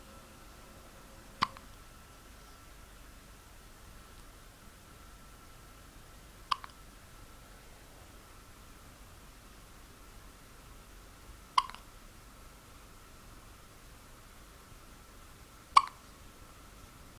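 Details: Hiccups in a 10-day-old baby: four sharp, brief hiccups about 4–5 seconds apart (roughly 14 a minute) in a quiet room with a faint steady tone.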